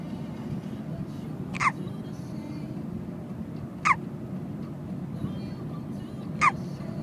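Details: Hiccups from the speaker's niece, recorded in a car during a hiccup attack; hiccups.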